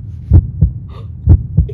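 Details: Two clear lub-dub heartbeats heard through a stethoscope on the speaker's own chest, regular at about 63 a minute, in a children's educational demonstration: normal heart sounds.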